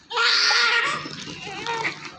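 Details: Big, healthy newborn girl covered in vernix, born by normal vaginal delivery, gives a strong, clear vigorous cry and then quieter fussing; her Apgar score is reported as very good. Newborn cry.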